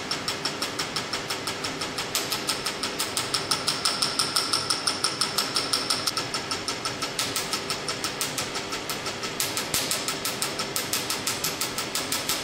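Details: Rapid, regular sharp snapping clicks about three a second from a Q-switched Nd:YAG laser set at 800 mJ, frequency 6, 2.0 spot, fired by foot pedal during a carbon peel facial treatment.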